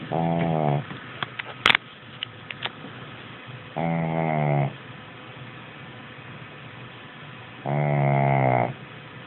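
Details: 11-year-old Shih Tzu snoring: three drawn-out, buzzing, vibrating breaths about every four seconds over faint background noise.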